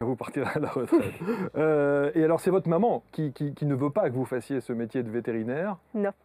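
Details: Adult speakers in an interview; ordinary conversational speech.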